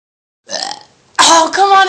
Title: burping pt. 1